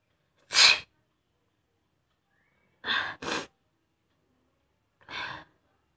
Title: #sneezing #challengevideo #requestedvideo /first time sneezing challenge video korlam